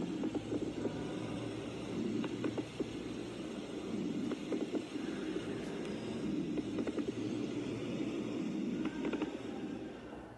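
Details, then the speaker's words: Lung auscultation: scattered brief crackling, rasping pops over steady breath sounds, heard mainly on inspiration, from fluid in alveoli; may indicate pneumonia, pulmonary fibrosis or pulmonary edema. "las crepitaciones son sonidos crujientes o rasposos que se escuchan principalmente durante la inspiración se producen debido a la presencia de líquido en los alveolos pulmonares"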